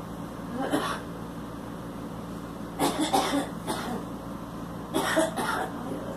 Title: Girl smoking and coughing